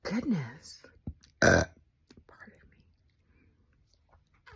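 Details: A drawn-out burp with sliding pitch, then a short loud burp, in a quiet room; ordinary belching.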